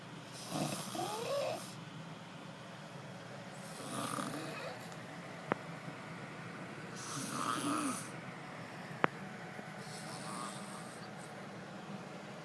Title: EPIC SNORE